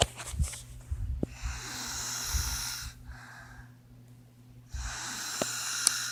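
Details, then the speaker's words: Sister snoring in sleep at 1:45 a.m.: long rough snoring breaths with quieter pauses between them, over low steady room hum. "It's 1:45 a.m. Still awake. And my sister's snoring."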